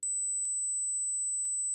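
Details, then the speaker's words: Steady, very high-pitched pure tone from an age-based hearing test of high-frequency loss; hearing this frequency is said to mean healthy hearing with no hearing impairment. "Гаразд, якщо ви чуєте цю частоту, ви здорові та не маєте вад слуху."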